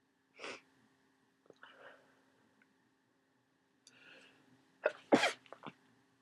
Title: Congested flu sneezes